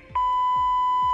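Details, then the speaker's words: ZOLL AED 3 in a demonstration rescue of an unresponsive adult co-worker: a steady, high continuous alert tone after rhythm analysis, with the prompt "shock advised, don't touch patient." "the zole aed-3 will detect the victim's heart rhythm and advise if a shock is required shock advised"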